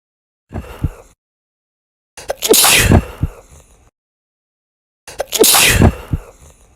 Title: Wet Sneezes !